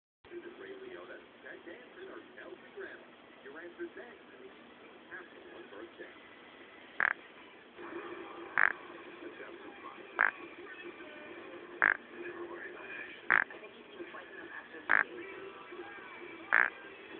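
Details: Baby's first snore; short, regular snorting sounds about every one and a half seconds: infant snoring.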